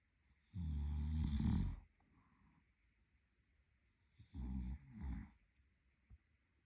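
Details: Adult male partner asleep: two loud, rattling snores on breathing in, separated by a quiet pause, with faint room noise; sleep snoring.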